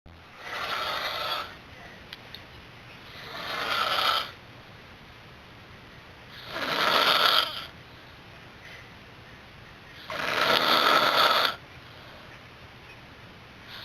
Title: 2009 02 16 snoring